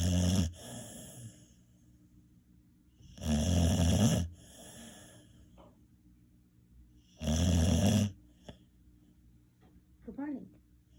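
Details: Loud, rough snores every few seconds with quiet breathing between, about 16 breaths a minute; ordinary snoring.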